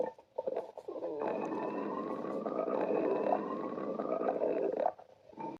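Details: Long gurgling, rumbling growl of about four seconds from a person's belly: ordinary stomach growling (borborygmi).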